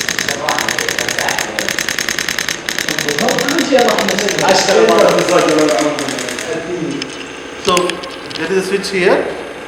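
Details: Radial shock wave therapy unit demonstrated in a physiotherapy electrotherapy practical lesson for chronic muscular pain, set at low intensity from about 500 shocks; rapid steady clicking pulses, about 200 a minute, as it fires into tissue, with music and talk.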